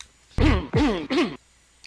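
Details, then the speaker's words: Three short, voiced, hacking dry coughs with no mucus rattle, from a prime minister on live TV who had already contracted COVID-19: dry cough. "here is what the dry cough sounds like that came from a prime minister three different times he coughed during his TV appearance and he had already contracted the virus here it is"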